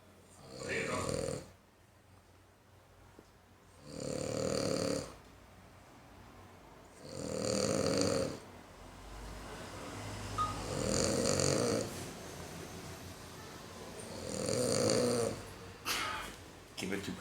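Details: Sleeping French Bulldog, flat-faced, snoring in rhythm: about five noisy snorting breaths over 17 seconds with soft room sounds; snoring.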